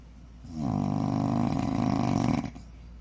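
A single long, loud, vibrating growl-like snore lasting about two seconds over faint room hum; heavy snoring.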